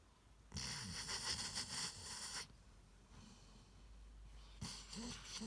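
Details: Snoring during sleep: a long, harsh, hissing snore, then a quieter pause and the start of another rough snore.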